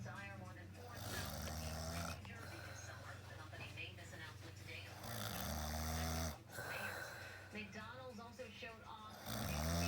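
Low, rumbling breaths come and go roughly every few seconds, with other sounds in the room; snoring in sleep.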